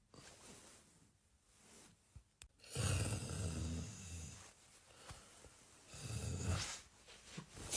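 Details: Comedy clip of a snoring partner: two loud, low, rattling snores a few seconds apart with quiet breathing between in a small room; snoring.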